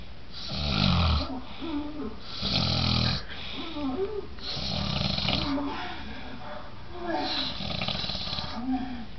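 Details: A man passed out asleep, snoring loudly with a rough snore on each breath, about four in nine seconds, while the TV plays in the background; heavy snoring in deep sleep.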